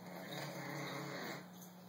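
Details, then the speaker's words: Wheezing in a cat of about 6 years with feline leukemia and AIDS who is blind and has an upper respiratory infection not responding to antibiotics, with swollen sinuses: a steady, buzzing, congested breath noise. "wheezing while he's still comfortable now he won't be for long his sinus cavities are all swollen from the infection and pretty soon I'm going to have to have him put to sleep"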